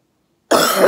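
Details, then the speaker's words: Single loud, forceful deliberate cough after silence, clearing phlegm as a home exercise by a woman surgeon recovering from COVID-19. "I forced that one the last one I had but then this one was dry here we go"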